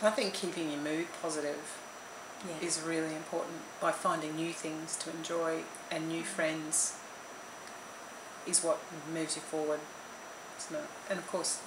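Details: Adult speaker; ordinary speech.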